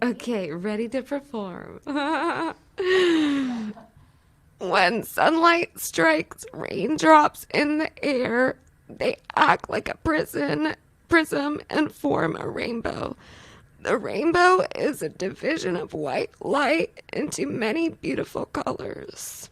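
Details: Female patient reading the Rainbow Passage, overall voice quality strained with throat tightness, differing from her spontaneous speech and laughter; clinicians might suspect spasmodic dysphonia; strained voice.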